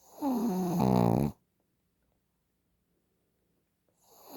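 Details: Shih Tzu snoring: a loud, rattling snore on an in-breath, then a pause of several seconds before the next snore begins, from a small flat-faced dog.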